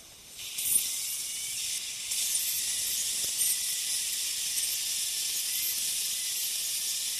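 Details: Ultrasonic piezosurgery bone saw tip with water spray cutting vertical sections of a sinus window osteotomy with very little pressure, gentle sweeping motion: continuous high hiss rising as cutting begins.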